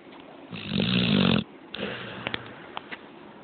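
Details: One loud rattling snore, then quieter breathing with a few soft snorts; snoring.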